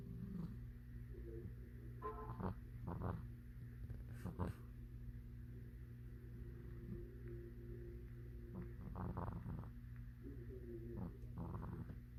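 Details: Sleeping black cat snoring: low rumbling breaths with soft snorts and irregular throaty noises over a steady hum.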